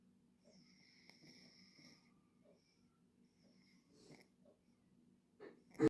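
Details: Sleeping cat: soft, rhythmic, low rattling breaths with faint whistly tones, then a louder snort at the end, with quiet room noise; snoring.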